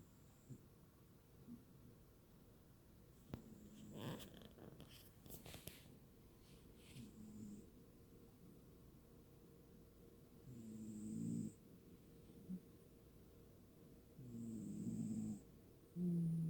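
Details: Sleeping cat snoring: low, rumbling breath sounds every few seconds with some rustling between them.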